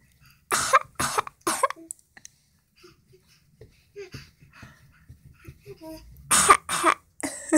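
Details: An adult gives a deliberate, harsh imitation "black lung" cough in playful bursts with quiet pauses between them, done for laughs; not illness.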